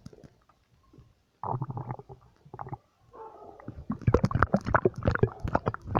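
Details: Irregular low gurgles and rumbles from an adult stomach, ordinary bowel sounds of gas and fluid moving.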